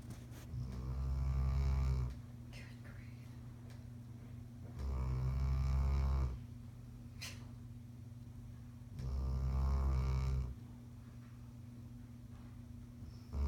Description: Hound dog snoring